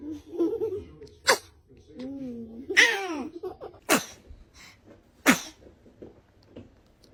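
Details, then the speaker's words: Newborn baby fussing, then several short, sharp sneezes about a second apart with quiet breathing between them. "What was that? Oh goodness. Were you about to sneeze?"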